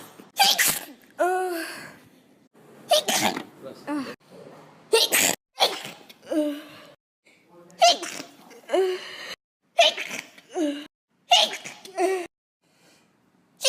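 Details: A run of about seven sharp, explosive sneezes, each followed by brief voiced sounds or exclamations; ordinary sneezing, from a sneeze compilation.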